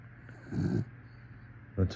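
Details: A sleeping dog snoring while the owner tries to wake him with offers of a treat: two short, low, rumbling snorts with a quiet pause between.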